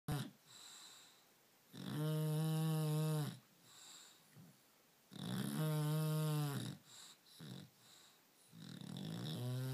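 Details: Brando, a 9-month-old English bulldog, sleeping: loud rattling snores like a locomotive, each long noisy breath followed by quieter snuffles.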